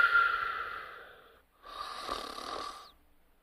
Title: Sparky: 💤*Snores Whistles*💤